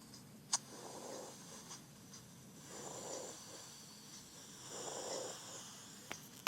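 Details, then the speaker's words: Harsh, hollow breath sounds heard by stethoscope on the front of the neck over the trachea during both inspiration and expiration: normal tracheal breath sound. "espalda ruido traqueal ino traqueal es el sonido normal que se escucha al poner el estetoscopio en el cuello por delante de la traqueia se ulta durante la inspiración y la [Música] expiración"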